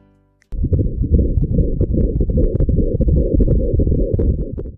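Rapid rhythmic whooshing Doppler pulses of a fetal heartbeat at about 150 beats a minute, a healthy rate.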